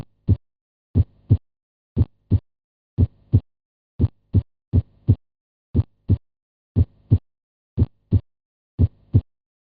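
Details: Normal heart sounds on cardiac auscultation, highlighting the first heart sound (S1, the "lub"), from an animated teaching example.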